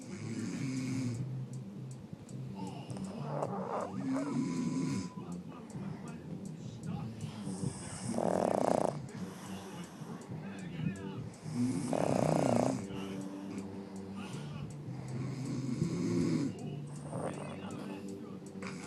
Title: Sleeping/snoring pug